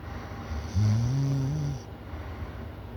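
A single loud, deep, buzzing snore on the in-breath, about one second long, over steady low background noise.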